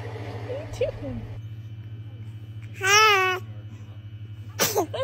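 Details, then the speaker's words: A small high-pitched sneeze from a baby, with babbling and a steady hum in the room; a typical infant sneeze. "huh baby is a dramatic sneezer check"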